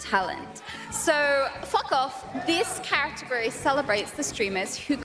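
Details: Person with Tourette syndrome producing real involuntary vocal tics, including obscene words, while on stage; vocal tic with coprolalia (Tourette syndrome).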